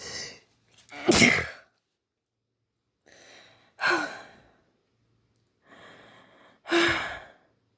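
Three sneezes, each a short indrawn breath followed by a sharp, wet, spraying burst.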